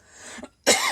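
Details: A woman with a hoarse voice, who mentions her hoarseness right afterward, makes a soft breathy lead-in and then one sharp, harsh cough or throat-clearing burst while doing a craft tutorial.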